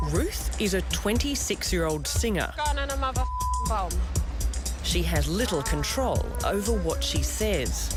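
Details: Adult narrator; typical speech.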